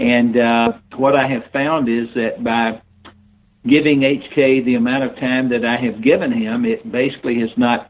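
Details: Adult man; unaffected speech.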